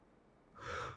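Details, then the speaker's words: An ENT doctor imitates the sharp gasp that follows a silent pause in snoring, a pause that lowers oxygen saturation when it lasts over 10 seconds: simulated obstructive sleep apnoea. "लेकिन जब रात में sleep disturb होने लगे, unusual breathing, abnormal breathing होने लगे सोते सोते खराटों के बीच में, और एक साइलेंस का पॉज आने लगे, तो जो इंटरप्शन है, जब अगर ये 10 सेकंड से ऊपर होने लगे तो ऑक्सीजन सैचुरेशन गिरने लगे।"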